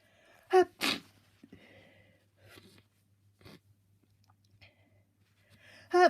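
Two quick sneezes, then gasping breaths and a few muffled attempts before another sneeze at the end; repeated ordinary sneezing.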